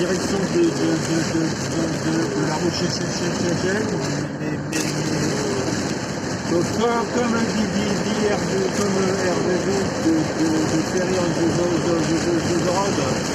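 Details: Adult French-speaking male vlogger who stutters; he says his stuttering worsens when recalling a stressful period around 2004. Finding: stuttering.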